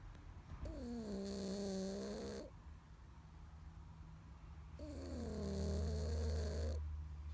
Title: Snoring and dreaming